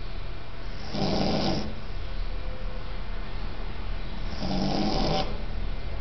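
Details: Beagle snoring on its first night in a new apartment: two slow, rough, low-pitched snores about four seconds apart, each under a second long, over steady low room hum.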